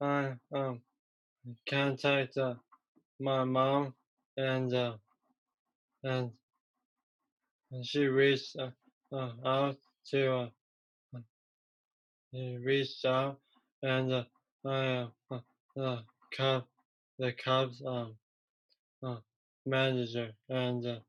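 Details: Male who had a stroke from a ruptured arteriovenous malformation at age 15 that left him in a coma; three years later, trouble getting words out rather than understanding: aphasia (non-fluent, word-finding difficulty).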